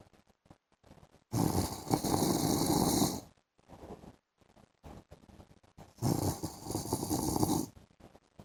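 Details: Adult man snoring during an afternoon sleep: two long, harsh, rasping snores on the in-breath about five seconds apart, with quieter breathing between; loud snoring.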